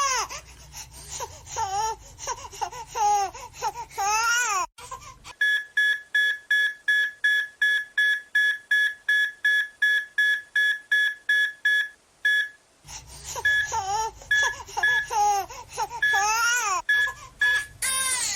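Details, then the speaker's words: Simulated audio cue for procedural training: a fast, repeating cardiac telemetry beep sounds alone, then continues over loud infant crying, mimicking a tachycardia alarm. "I'm a father, so I know that the sound of a crying baby gets my heart rate up. How about a crying baby and alarming telemetry?"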